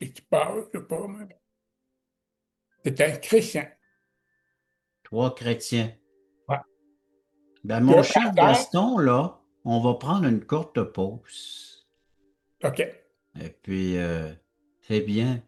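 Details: Speech of a man with severe-to-profound deafness who learned to pronounce letters; deaf speech.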